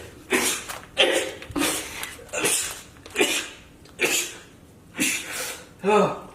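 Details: A man who always sneezes at least three times per bout, with a record of 12 to 13: a rapid run of about seven sharp, explosive sneezes in a small room; repeated sneezing attack.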